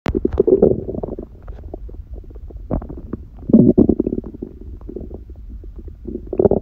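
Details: Hunger stomach growling recorded lying down, person on a raw-food diet eating one meal a day and smoothies in the morning: loud gurgling, bubbling rumbles rising and falling in bursts; normal borborygmi.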